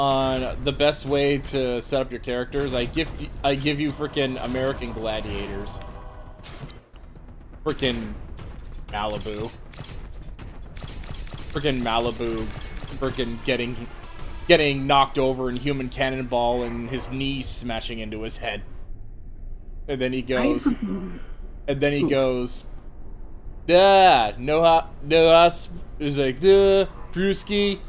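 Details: Adult male speaker; ordinary speech.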